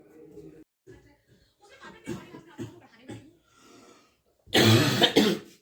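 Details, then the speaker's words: Unwell boy coughing continuously: faint muffled voices, then two loud, harsh coughs in quick succession. "থাকলে আর কিছু ভাল লাগে? অবিরাম কাশছে।"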